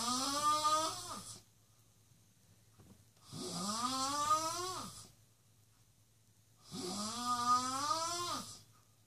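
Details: Guest snoring: three long, loud, rattling snores, each about a second and a half with quiet pauses between; heavy snoring at about 17 breaths a minute.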